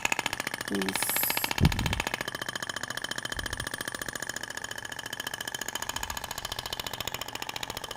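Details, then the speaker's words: Thork radial shockwave applicator in a practical training demo, moved slowly in a zig-zag over the abdomen with the applicator's weight resting on the skin, avoiding the rib prominence: rapid, steady tapping at about 15 pulses per second, with speech and handling noise. "o de forma lenta é interessante que você consegue visualizar a propagação da onda você vê que até o tecido vibra né Na hora que você tá aplicando deposita o peso do aplicador na pele"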